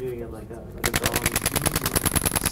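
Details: Dolorclast radial shockwave therapy applied to a patient for Achilles tendinopathy, with the probe worked over a lump in the tissue: rapid, loud, regular clacking pulses about twenty a second with a faint high whine.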